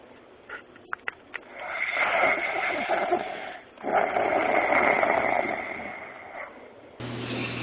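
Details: Two hissing, rattling snoring breaths, thinner and more airy than a deep snore, from a man, then an abrupt cut to other noise; excerpt from a compilation of snoring recordings.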